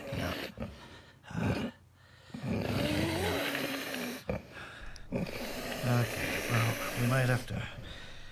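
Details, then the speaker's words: Adult in deep sleep after a tonic-clonic grand mal seizure with a bitten tongue makes loud, rough snoring breaths, thought to be the postictal phase: postictal snoring. "then you can hear me snoring again this seems to be the thing that happens after every seizure I'm assuming that this is the postictal phase"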